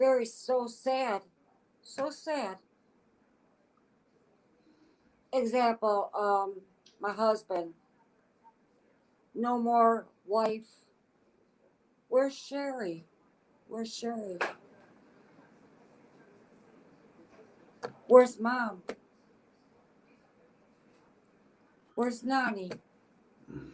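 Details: Adult woman with aphasia as a deficit of a stroke in August 2014 at age 52; aphasia.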